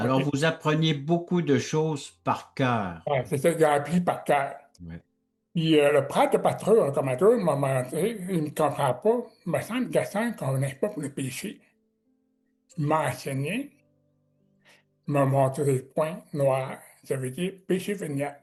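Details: Adult man with severe-to-profound deafness who learned oral speech, speaking French; deaf speech.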